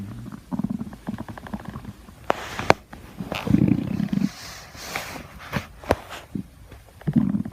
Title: Stomach growling happy thanksgiving